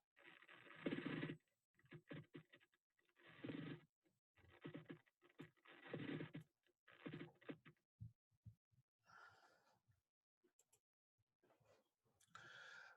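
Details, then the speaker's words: Lung auscultation teaching recording: rough, creaking, grating bursts during inspiration and expiration, like creaking old leather, from fibrin-roughened pleural surfaces; pleural friction rub. "brushing sounds occur during inspiration and exploitation sound like sake creaking of old Lisa host by course and surface of say normal paper due to the fibrin deposits"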